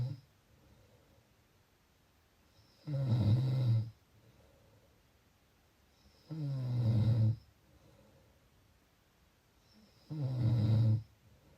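Three loud, low, rattling snores on the in-breath, spaced about every 3.5 seconds with quiet between, about 17 breaths a minute: snoring.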